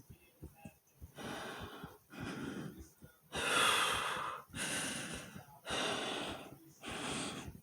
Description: In this video not only is my heartbeat fast and my breathing was hard but my stomach growled right in the middle of it